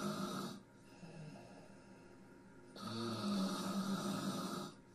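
Two loud, rough snores on breathing, separated by a quieter pause; ordinary snoring.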